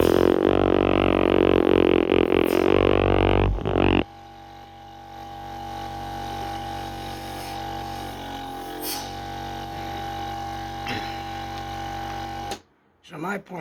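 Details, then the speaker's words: Sunset SU100DC portable suction machine used by a person with a tracheostomy, running with the end restricted so it suctions harder: loud burst of noise, then steady low motor hum with constant whine. "en I restrict the end here, it will make the gauge up and you'll hear the machine suctioning harder."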